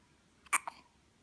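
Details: A single abrupt hiccup with a brief catch right after it, against quiet room noise, during a persistent bout of hiccups that home remedies failed to cure.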